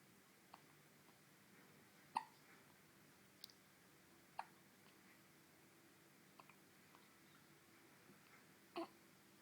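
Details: Faint, sharp hiccups recurring every couple of seconds under room hiss.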